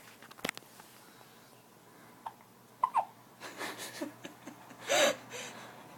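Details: Hiccups in twin babies hiccuping at the same time; several short, abrupt breathy catches, each a sudden gulp, with laughter around them in a quiet room.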